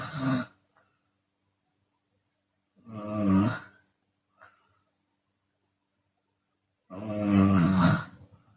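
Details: Intermittent loud, throaty open-mouth snores from a sleeping Chinese woman, with long silent gaps and a breathy exhale after some, as she sometimes snores on exhaling.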